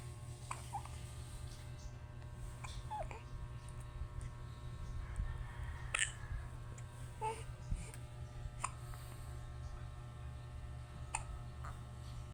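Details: Baby with hiccups: repeated brief, sharp hiccup sounds over a steady low room hum, with occasional soft baby noises.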